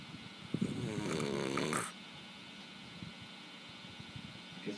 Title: Uncle snoring